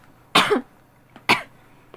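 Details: Girl coughing: two short, dry cough bursts about a second apart over faint room noise, while playing a video game; cough.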